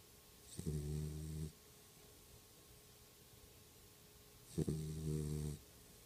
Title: Stella snore 1